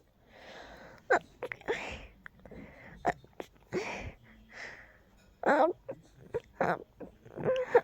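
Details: Desperately stifled sneezes held in as quietly as possible: several short, muffled bursts with breathy catches between them.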